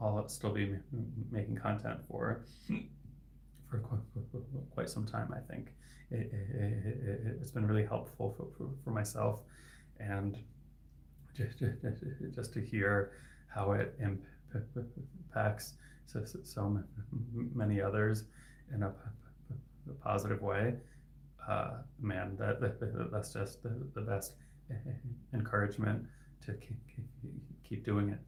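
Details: Adult male speech-language pathologist who has stuttered since age 8-9 (third grade); his stuttering is variable, with sound repetitions and hard blocks lasting 10-20 seconds; stuttering.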